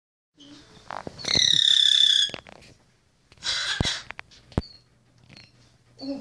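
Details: Cough-like vocalization from a grackle (bird), first mistaken for a man coughing nearby: harsh, raspy bursts with a squeaky whistle, recorded at a wildlife center.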